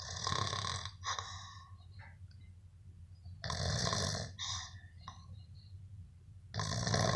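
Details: Loud, harsh, rattling snores about every three seconds with quieter breathing between; an adult filmed by a friend while asleep, possibly after heavy drinking; ordinary heavy snoring.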